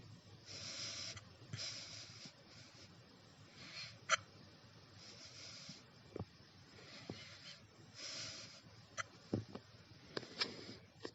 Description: I was eating my breakfast, when i got the hiccups. And now, i am hiccuping for 3 hours!